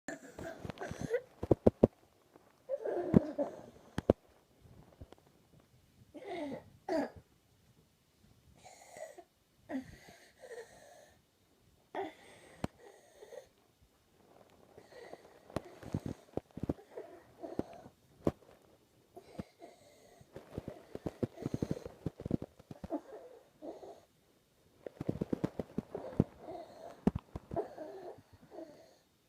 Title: The sound of stridor / croup in child (paediatric)